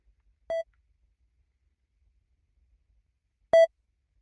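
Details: Two brief, clean, steady beeps three seconds apart in silence: a recreation, not the exact tones, of pure-tone audiometry tones played in a sound booth during a hearing test.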